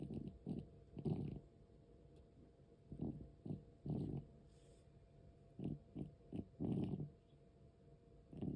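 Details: Noisy breathing in a 13-year-4-month-old cat with asthma: low, rough, rattling breath noises about 21 a minute; occurs also during sleep, sometimes stops.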